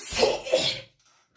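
One short explosive burst of air with a sharp hiss, then quiet; a single sneeze.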